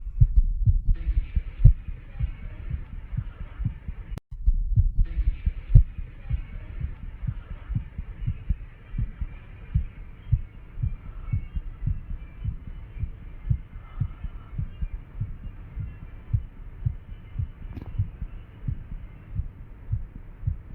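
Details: Rapid, pounding low heart thumps with uneven spacing: fast irregular heartbeat.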